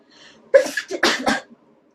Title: (REUPLOAD) Beautiful Taiwanese girl induced sneeze from swab test 2